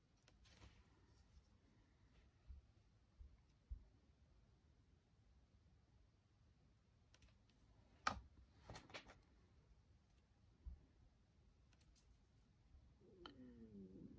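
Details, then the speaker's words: Brief low gurgling stomach rumble heard in a quiet room during crafting with clicking sounds; the crafter says her tummy rumbled despite having had breakfast that morning. "that was my tummy rumbling did you hear that pardon me I have had breakfast this morning"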